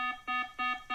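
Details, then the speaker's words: Pulse oximeter alarm sample from a Wellue Oxylink remote oxygen monitor with an SpO2 threshold reminder set: three short, evenly spaced electronic tones. "you heard the alarm sample just go off right there so i've got that set"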